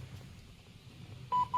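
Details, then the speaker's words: Quiet room sound, then two clear electronic beeps as an AED defibrillator is switched on during a CPR training demonstration on a mannequin. "Okay, so the defibrillator, the defibrillator arrives. Okay, so I would press the on-off button."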